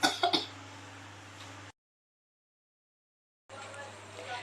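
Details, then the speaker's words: Two quick forceful cough bursts, then quiet, from an adult woman told to inhale for five seconds then cough twice, demonstrating pre-operative effective cough training by a nursing student: controlled cough. "Boleh naikkan barunya longgarkan lalu dibatukkan go Ibu boleh membatalkan dua kali"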